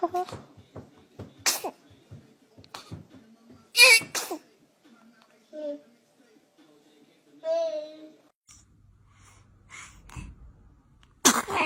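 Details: Several short, sharp infant sneezes among soft adult voices and faint music; ordinary baby sneezing.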